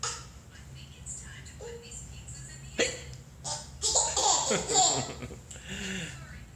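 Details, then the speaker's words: Person with hiccups struggling to stand up: sharp, abrupt catches in the breath amid laughter and chatter, consistent with hiccups. "It's hard to stand up when you have the hiccups."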